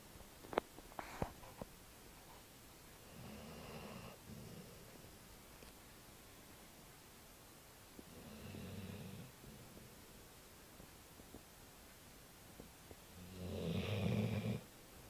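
Quiet, rough snoring noises recur every few seconds on the breath in, with faint clicks and a quiet room between.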